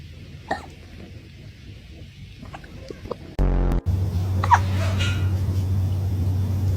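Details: Cat hiccupping after eating food too fast: a few soft, abrupt hiccup sounds, then a loud steady hum in the background.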